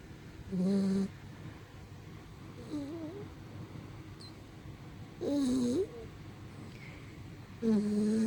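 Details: Pitbull puppy snoring: intermittent nasal snores with a buzzing, whining quality, about three loud snores over eight seconds, against quiet room noise.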